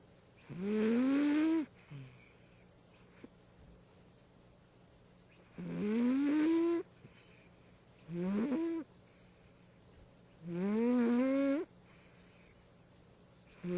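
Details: Snoring: four whistling, rising snores, each about a second long, roughly every five seconds (about 12 a minute), in a quiet room.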